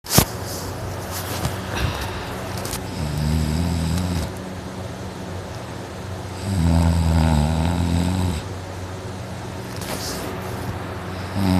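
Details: Man's deep, loud snoring during sleep, throat very dry and sore before sleeping: rattling snores on slow breaths in, quieter pauses between, over steady background noise.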